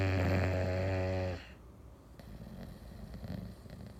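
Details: English Bulldog napping on an afternoon; one loud, buzzing, low-pitched snore, then quieter snuffly breathing: snoring in a short-nosed dog.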